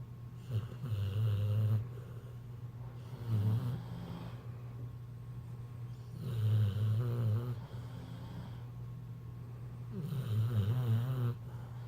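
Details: Snoring: low, rumbling snores repeating about every 3 to 4 seconds, roughly 16 a minute, over a steady hum.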